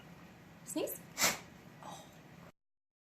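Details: Boerboel dog giving a sneeze on command, a trained captured behavior: a single sudden, explosive burst of air with a brief vocal sound just before, over quiet room noise.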